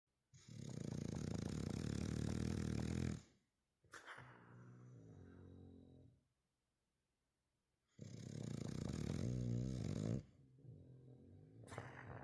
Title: Spud is snoring in the background too #spudandbessie #bulldog #funnyshorts #dog ##bulldogsnores